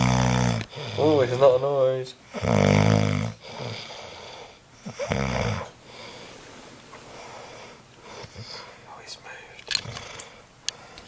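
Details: Loud, rattling snores over several breaths in a shared room, with quieter breathing and room noise between them; snoring.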